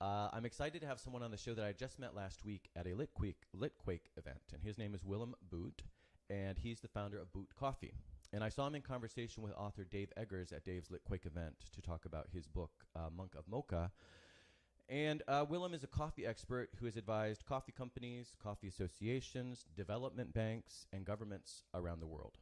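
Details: Adult male speaker; normal speech.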